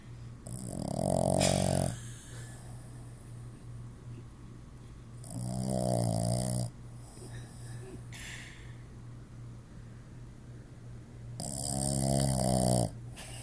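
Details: Sleeping dog snoring; loud, rattling snores about every five seconds, roughly 12 breaths a minute, over a steady low room hum.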